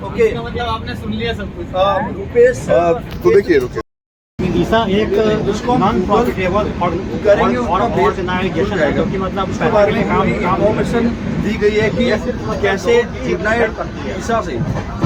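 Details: Man who stammers, a member of a stammering self-help group, speaking Hindi during speech practice on a train after a communication workshop; stuttering.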